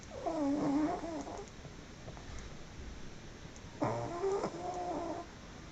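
Two drawn-out, wavering, whistly snorts during sleep breathing, with hiss between; loud snoring in a flat-faced dog.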